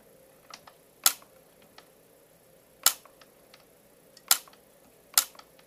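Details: Four sharp snapping clicks over about five seconds, each a YAG laser shot breaking up a dense vitreous floater in a male patient's left eye while he looks down and back to the light.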